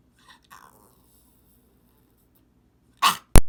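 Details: Domestic dog's quick snort-like sneeze, possibly 'sneeze voting' for food or activity; a single sneeze shown repeatedly: near silence, then two short, forceful sneeze bursts.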